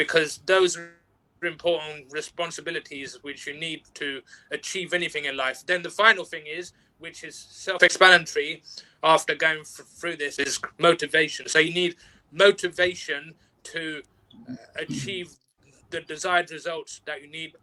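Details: Stuttering in an adult interview guest who practises mindfulness and neuro-linguistic programming and says he has overcome stuttering at work through working on himself.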